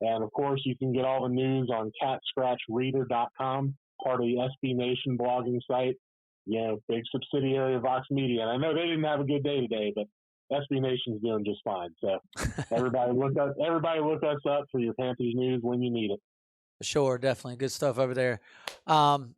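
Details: Adult male speaker; Normal voice.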